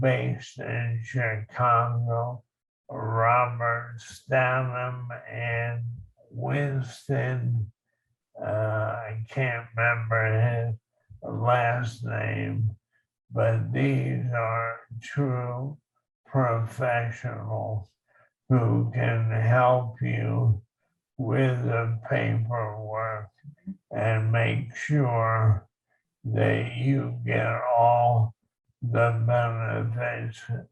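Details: Dysarthria in a male veteran with ALS, diagnosed in 2014; living with ALS since 2014.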